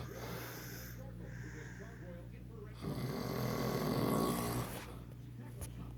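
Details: Ordinary snoring: a long, loud, rattling snore with a steady hum and faint background noise.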